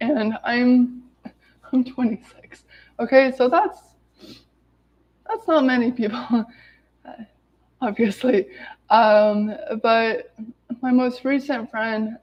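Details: Adult woman who has stuttered every day of her life, reading aloud from a self-therapy book to demonstrate her stutter; stuttering.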